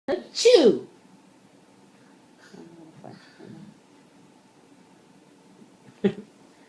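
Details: Imitated sneeze by a young child who likes to pretend to sneeze: a sharp, sneeze-like burst followed by quiet vocal sounds, not a true reflex sneeze.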